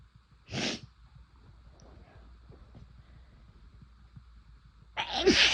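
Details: First-time use of chhinkni sneezing powder: two forceful induced sneezes separated by quiet breathing.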